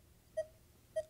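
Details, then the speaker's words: Masimo continuous pulse oximeter in an operation demo, reading SpO2 97% and pulse 99–100: two short, clear electronic alarm beeps, silenced with the alarm silencer button. "So, there we all right now there's our alarm. So when we get an alarm, we can hit our alarm silencer button and again that will silence the alarm for two"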